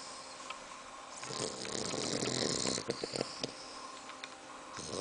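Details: Long rough snorting breath with rattly vibration, then short sniffing snorts, from a 2-month-3-week-old bulldog puppy: snoring.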